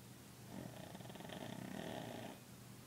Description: My dog snoring lol